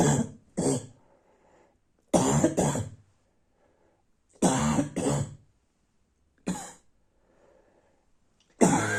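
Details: Night-time cough: four bouts of harsh, loud coughs, mostly in pairs, with a hoarse barking quality; barking cough.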